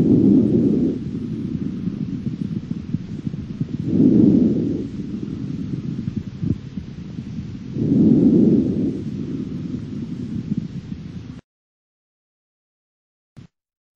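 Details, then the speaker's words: Soft, low rustling breath sounds swelling with each inspiration and fading on expiration: normal vesicular breath sounds (murmure vésiculaire). "deuxièmement les bruits respiratoires on distingue le murmure vésiculaires la respiration bronchique et la respiration en foriic murmure vésiculaires"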